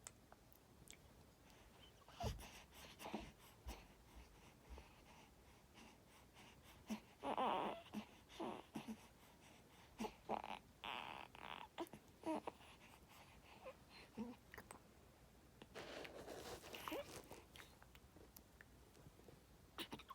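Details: Short, soft gurgling and cooing sounds with breathy squeaks from an infant in a quiet room: infant gurgling.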